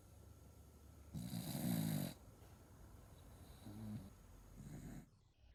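A loud, rattling snore on one breath, then two softer snoring breaths; ordinary snoring.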